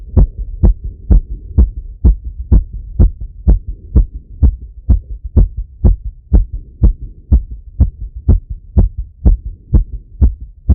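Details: Male heart auscultated with a stethoscope on himself after a workout set: strong, regular heartbeat about 125 beats a minute, fast but steady rhythm, normal heart sounds after exertion.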